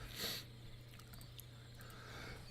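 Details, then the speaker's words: A single short, explosive sneeze from a person during a game commentary recording, followed by quiet with a steady low room hum. "did you hear that well that was quite the sneeze I don't know what happened there"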